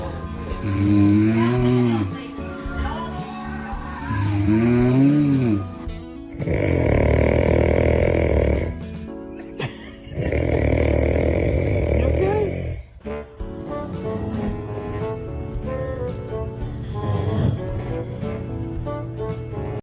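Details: Loud, harsh, rattling snores of a sleeping man (dad), a few seconds each, over music and a voice; heavy snoring.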